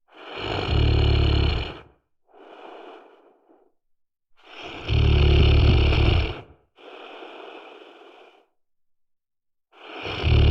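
Loud, deep rumbling snores on each in-breath, with quieter airy out-breaths between, about one cycle every five seconds; heavy snoring.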